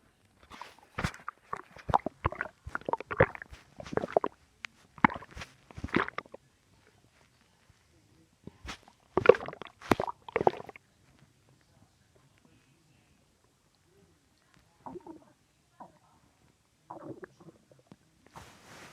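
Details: Bursts of gurgling, squelching rumbles with quiet gaps between them, from a person's noisy stomach: bowel sounds (borborygmi).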